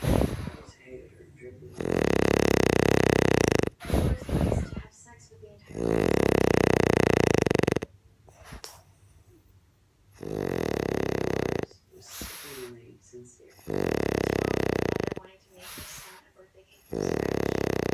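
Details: Loud, rattling, irregular snores with snorts and gaps between them: heavy snoring.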